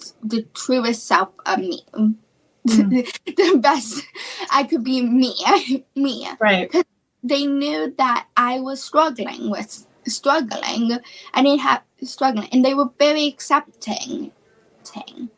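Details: Female high school senior with childhood apraxia of speech, a neurological speech disorder, in speech therapy since about age four and once only 10% understandable; childhood apraxia of speech.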